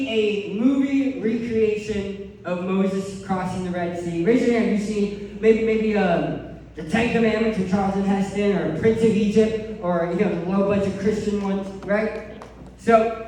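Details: Adult man who lost 80% of his tongue to cancer, with a permanent speech impairment after partial glossectomy.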